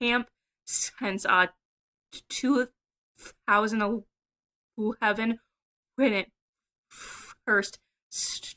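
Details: A woman who stutters, in a video about her stuttering therapy experiences, speaks with part-word repetitions; stuttering.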